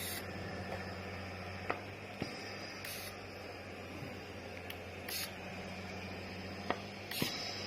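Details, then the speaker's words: Demo of an ANGELBISS ANGEL-5POC portable oxygen concentrator delivering pulse-dose oxygen via nasal cannula (gear up to 5, equal to 5 L/min). Short hissing puffs about every two seconds (~27/min) over a steady motor hum, following the wearer's fast, then normal, breathing. "If I continue to breathe very fastly, you see, it will detect my breathing frequency. If I breathe very normally, it will follow up with my breathing frequency."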